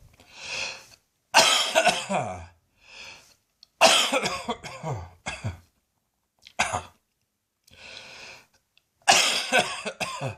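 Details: Evening coughing and gagging in an adult whose poor old lungs "continue to protest": harsh, repeated coughing bouts with retching-like sounds and noisy, breathy inhalations between them.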